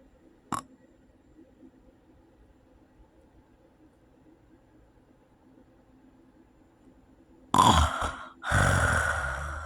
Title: sleep apnea snoring 3